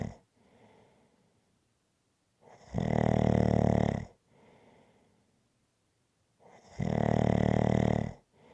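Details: Loud, rough snoring on each breath in with quieter breaths out between, about 15 breaths a minute, steady and rhythmic; snoring.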